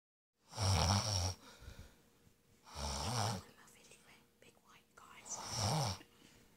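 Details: Three loud, low rumbling snores on breathing in, with quieter breaths between; ordinary snoring.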